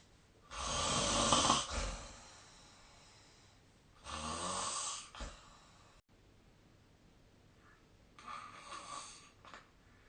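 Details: Harsh, airy snores every few seconds with quiet pauses between, recorded at a distance in a quiet room with the SnoreLab snoring app; snoring during sleep.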